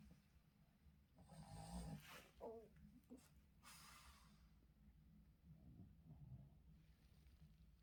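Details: Boston terrier dog snoring while sleeping, with yawning on morning wake-up: low, rumbling, irregular snorting breaths with a few louder snorts and quieter stretches.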